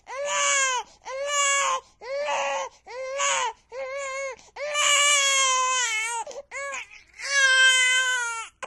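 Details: About eight loud, high-pitched wailing bursts with brief catch-breaths between them: sustained infant crying, from a sound-effect recording.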